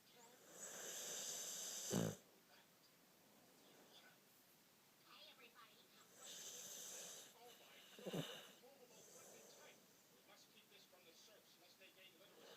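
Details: Slow, raspy snores, each ending in a short snort, about 10 breaths a minute; ordinary snoring.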